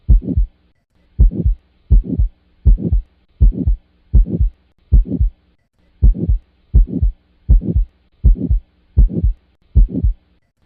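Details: Heart sound with aortic and pulmonic stenosis: regular beat near 80 a minute with a rough, swelling systolic ejection murmur filling the gap between first and second sounds.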